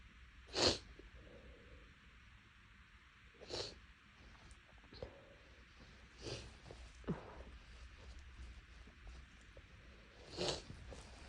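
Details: Sneezing fit after several days of nasal irritation and tickle, likely from inhaling something while making lunch: four sharp sneezes spaced a few seconds apart with quiet breathing between.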